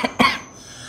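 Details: Adult who fell sick abroad in Singapore with fever and cough gives two quick cough bursts, a small one then a stronger one, fading into room quiet.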